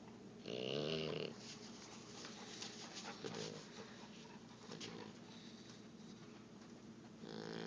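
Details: Dog snoring during sleep: rough, rattling snorts at the start and end with quieter noisy breathing between.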